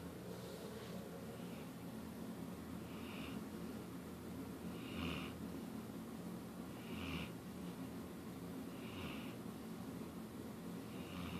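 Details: Sleeping child with soft, regular noisy breaths about every two seconds, roughly 30 a minute, faint rough light snoring over steady room hum.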